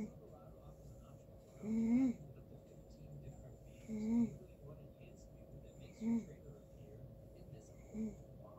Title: Snoring Funny